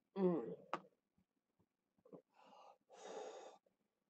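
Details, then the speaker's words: Productive cough with sharp voiced bursts and two forceful breathy huffs during lower lobe chest therapy in cystic fibrosis; patient reports rattling in the chest with little clicking crackles audible on breathing. "now on a night where I'm getting a lot out about rattling going on my chest and feeling or crap rattling or crackling you breathe right you can hear it little crackles click click click on your breathing"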